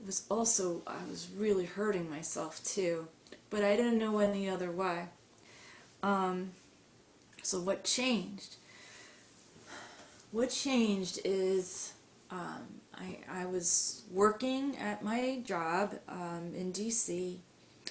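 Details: Adult woman who stutters, recounting her high school experiences; stuttering.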